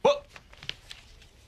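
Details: Adult man, a teacher, with Tourette syndrome, a neurological disorder, making involuntary noises; vocal tic (Tourette syndrome).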